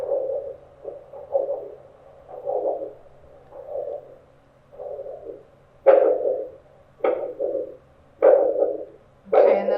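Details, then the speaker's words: Handheld Doppler over the brachial artery while taking systolic pressures for an ankle-brachial index demonstration: rhythmic whooshing arterial pulse, about 50 per minute, with faint background music; normal arterial flow. "I'm going to find the brachial [Music] artery I hear it but I want to see if I can hear it"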